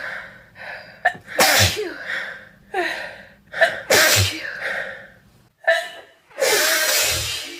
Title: Bedroom lighting wet sneezes